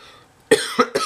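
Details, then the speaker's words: Adult with a completely shot voice gives three quick, harsh coughs in rapid succession indoors. "sorry my voice is completely shot"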